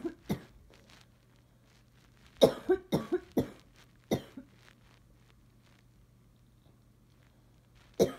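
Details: An adult with bad allergies and sneezing gives about nine short, sharp coughs, mostly in a quick run mid-clip, over faint room hum; they wonder if the cough is allergic; cough.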